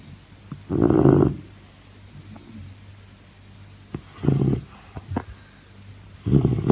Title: Snoring sound sleep